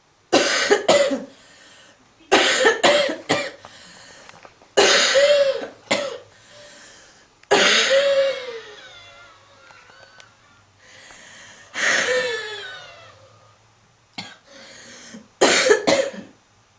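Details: Person lying down smoking, with repeated bouts of heavy, harsh coughing in clusters and wheezy, whistling tones during longer bursts.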